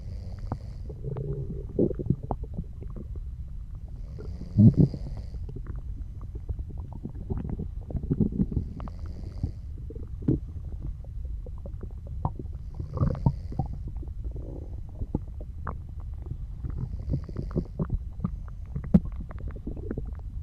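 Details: Low gurgling and rumbling from the abdomen with faint, soft snoring breaths in the background: bowel sounds (borborygmi) from digestion.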